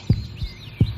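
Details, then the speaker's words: Low, soft thumps of a heartbeat, the normal lub-dub heart sounds, in a children's health education programme. "listen closely and see if you can hear it too it sounds like ldb ldb ldb that's the sound the heart makes as it pumps blood through the body and tubes called arteries and veins"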